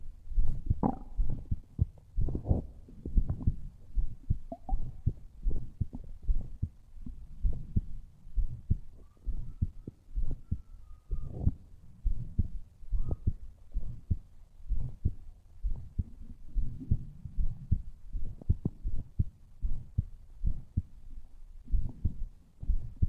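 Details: Adult's own heartbeat recorded against the chest: repeated low, muffled thumps with brief faint whining noise.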